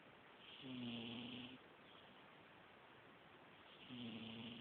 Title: Cat snoring